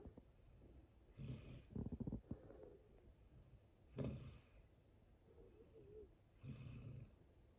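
Snorting, rumbling snores from a sleeping dog, spaced a few seconds apart, with soft room noise.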